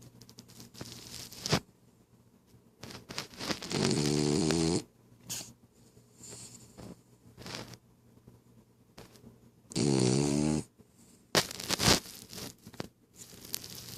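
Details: Sleeping female dog snoring: loud, rattling snores about six seconds apart with softer snuffling breaths between.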